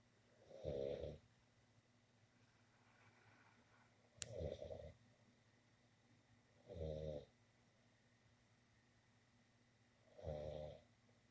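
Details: Person snoring during sleep in a bedroom: four regular, low, rattling snores about every three seconds in a quiet room.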